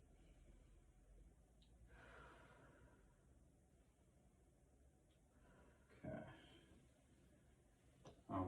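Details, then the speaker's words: Soft deep breaths heard through a room microphone during a nursing cardiac and respiratory assessment with lung auscultation; breath sounds are clear bilaterally in all fields, which is normal. "sounds are clear bilaterally in all Fields now we go to vocal vocal resonance"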